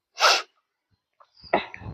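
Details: Sneeze from a vlogger who says she has a cold with cough and fever; sneeze.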